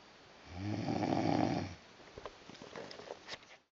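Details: Adult man asleep and tired that day, recorded by his wife, who calls the snoring loud; snoring.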